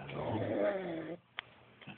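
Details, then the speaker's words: Snoring in a drunk sleeping man: a loud rattling snore on the in-breath, then a quiet pause; described as extreme snoring. "Hier, gib mir der Schnarchbeat. Ende. Du schnarchst extrem."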